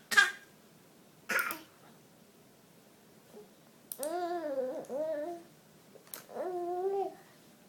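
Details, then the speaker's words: Infant deliberately copying his mother's cough: two short, breathy fake coughs, then babbling with voiced sounds; playful imitation, not illness; voluntary (imitated) cough. "oh do you have the same cough I do you do or are you just copying mom"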